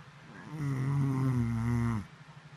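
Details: An adult woman asleep gives a single loud, low, rattling snore lasting about a second and a half, with quiet breathing before and after; snoring.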